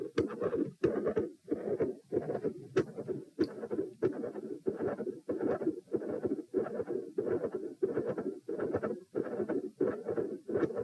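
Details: Heart recorded at position P, standing and sitting: rapid regular heartbeat with a rushing continuous murmur filling the gaps between beats, reducing on position change, with split S1 and S2.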